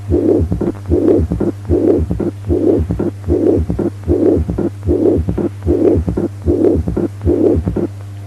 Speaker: Severe mitral regurgitation with a third heart sound and a mitral flow murmur in diastole.